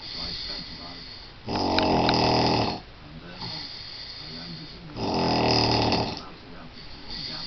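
Two very loud, harsh, buzzing snores about 18 a minute, with softer noisy breathing between: heavy snoring.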